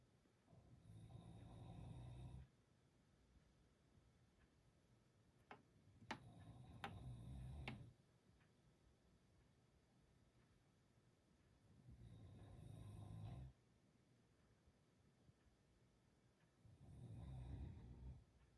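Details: Pet tropical screech owl: soft, low rasping breaths repeating at intervals with quiet clicks between, faint snore-like sounds from the resting bird.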